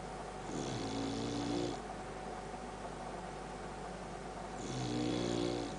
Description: Boxer dog Sam loves his sleep and often snores pretty loudly.